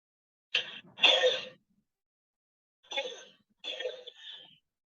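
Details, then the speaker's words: A teaching example of a child's hoarse cough in a respiratory auscultation lesson: four harsh, rough, barking cough bursts in two pairs. "ahora vamos a proseguir con una todo ronca de un niño"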